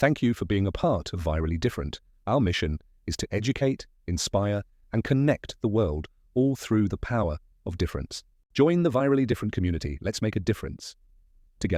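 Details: Adult male narrator, possibly a synthesized voice; ordinary fluent speech.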